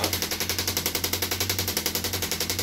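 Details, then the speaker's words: Radial shockwave therapy on an arm-wrestler's triceps, a rough spot; rapid, steady mechanical tapping at about ten pulses a second with a low hum. "What does it feel like when it's happening? It feels like somebody's tapping really, really deep."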